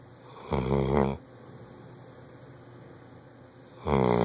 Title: Bloodhound snoring loud